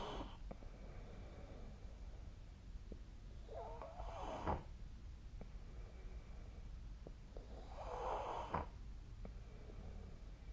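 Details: Two loud rasping snores about four seconds apart over quiet room hiss, with faint clicks between; ordinary snoring during sleep, recorded with the SnoreLab snoring app.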